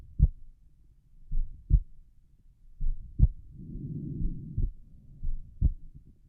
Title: Relaxed pulmonic valve heart sounds